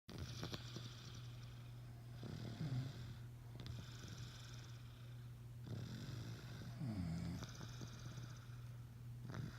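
Deep, rumbling snores with a low steady hum underneath and rattling breaths every few seconds; snoring.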